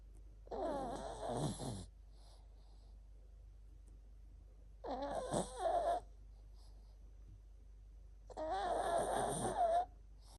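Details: Chihuahua dog snoring while asleep and dreaming: three long, rattling snores, about 16 a minute, with quiet pauses between them.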